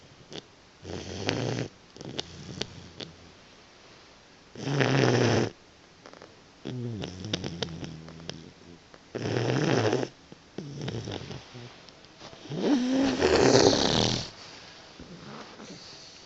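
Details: Snoring in a sleeping Boxer puppy napping: loud, rattling snores in irregular bursts, with squeaky whistling notes between some of them.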